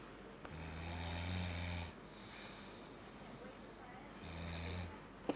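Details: Sleeping baby snoring: two loud, low, rattling snores on breathing in, with quieter breaths out between them, about 16 breaths a minute.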